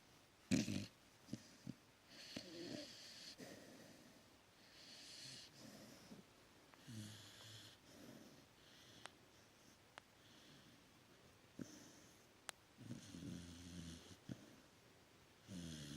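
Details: Loud snoring from a sleeping dog: soft, repeated snorting breaths with a rattling low edge, about fifteen breaths a minute, over faint room noise.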